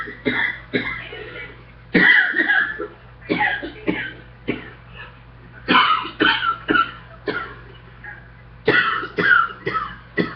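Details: An adult coughs again and again in quick clusters right after getting off a treadmill; coughing fit after exertion.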